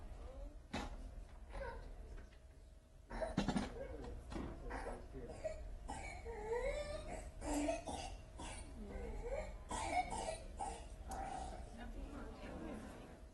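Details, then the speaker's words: Young girl with pertussis: rapid runs of coughing with strained, high-pitched inspiratory whoops as she sucks in air between bouts. She coughs until she vomits. Paroxysmal whooping cough. "and that sound where she's sucking in air that's a characteristic whoop or whooping cough that's how pertussis got the name whooping cough"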